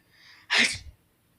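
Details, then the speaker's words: Person deliberately trying to sneeze with eyes open: a brief intake of breath, then one sharp, explosive sneeze. "So today I'm going to try to sneeze with my eyes open. It's gonna be so hard."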